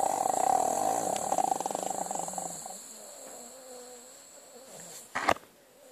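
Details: A fluttering, rattly breath, then a softer whistling breath and a brief snort, from a dog asleep and dreaming; dog snoring.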